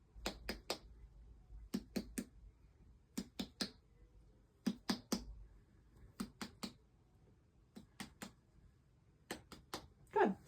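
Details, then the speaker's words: Finger percussion of the abdomen in all four quadrants during a head-to-toe examination: groups of quick, hollow taps giving normal tympany throughout. "I heard Tony throughout, which is a good sign."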